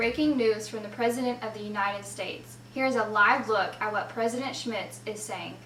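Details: Adult woman; typical speech.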